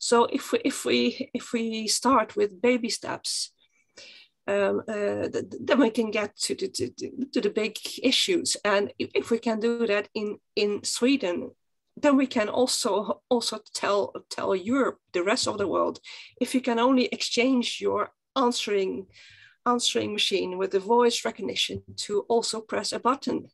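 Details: Stuttering in a female webinar panelist who stutters and describes blocks in stuttering.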